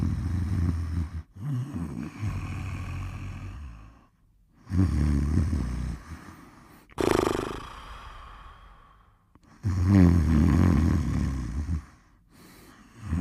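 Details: Heavy snoring during sleep: deep, snorting, rumbling breaths with a sighing exhale, about 14 a minute.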